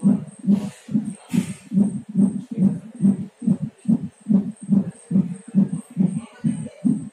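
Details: Fetal heartbeat at 9 months of pregnancy: rapid, regular whooshing thumps at about 140 per minute, a normal fetal heart rate.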